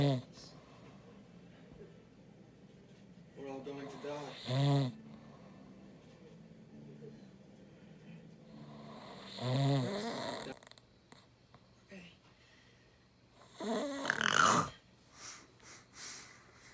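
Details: Husband snoring very loudly, keeping his bed partner awake: short, loud snorting snores spaced several seconds apart over quiet room noise, with a burst of other sound near the end.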